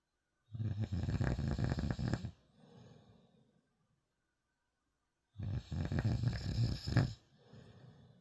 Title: Snoring...